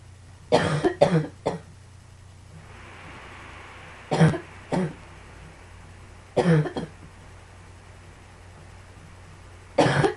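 Repeated bouts of short coughs, about nine bursts in clusters of two or three, over a steady low hum.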